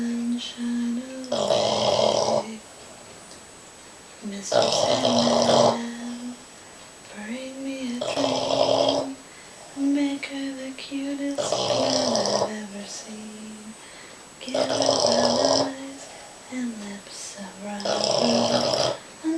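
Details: Sleeping Boston Terrier snoring: loud rhythmic snoring in regular bursts, about 18 a minute, with a whistling tone between bursts; snoring.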